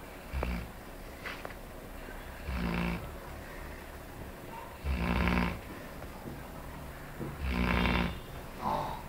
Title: Dog snoring...